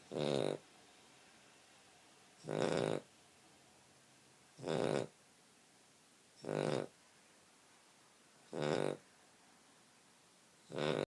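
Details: Sleeping dog snoring: regular rumbling snores about every two seconds, roughly 28 a minute, with quiet pauses between them.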